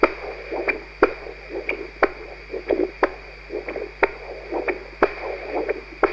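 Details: Regular whooshing pulses with sharp clicks at about 60 a minute, human heart blood flow heard through a Doppler-based stethoscope rather than a classic acoustic one.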